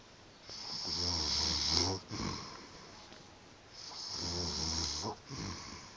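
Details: Adult snoring in Bulgaria: two long, rattling, fluttering snores on breathing in, each ending with a brief snort, roughly every three seconds; snoring.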